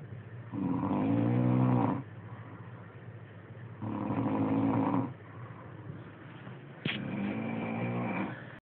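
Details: Person snoring at night, every night: three long, low, rumbling breaths about three seconds apart over a low steady background hum; ordinary snoring.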